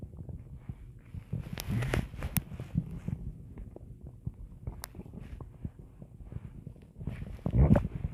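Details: Stomach growling (borborygmi): low gurgling rumbles and irregular bubbling pops from the belly, with a louder gurgle near the end.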